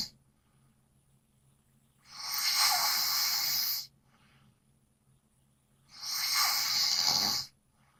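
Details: Person snoring loudly, with two long, harsh, hissing breaths about four seconds apart over low hum, roughly 16 breaths a minute: noisy breathing in sleep, snoring.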